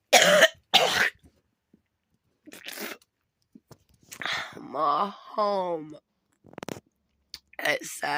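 Two sharp coughs at the start, then scattered voice sounds and noises in a quiet room.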